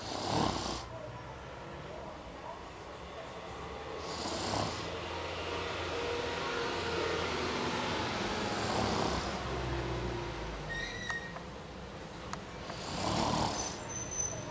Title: SNoring monster